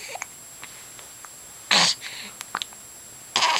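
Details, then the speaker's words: Baby boy with hiccups: brief sharp catches of breath recurring a few times among soft baby sounds; infant hiccups. "got the hiccups."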